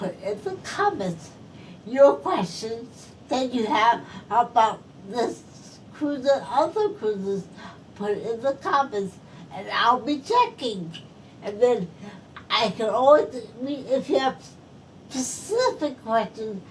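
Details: Post-stroke speech impairment in a woman who is a stroke survivor.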